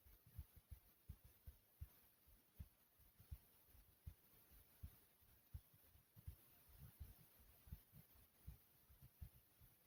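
Soft, low heart thumps in a slow, steady rhythm, with faint hiss behind.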